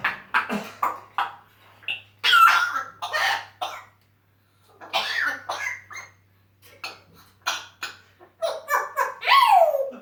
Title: African Grey Congo with a severe case pneumonia coughing his lungs out!!! (A must see)